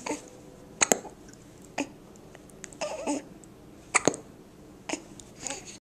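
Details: Infant hiccups recorded with a Flip Video camcorder: short, sharp hiccups at irregular intervals with a few soft vocal sounds between.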